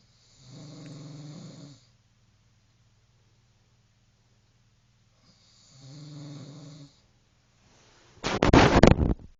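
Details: Snoring during sleep: two regular buzzing snores about five seconds apart, then a louder harsh noise at the end.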